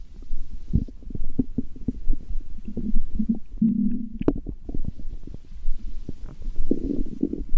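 Bursts of low gurgles and rumbling from the belly, ordinary stomach growling.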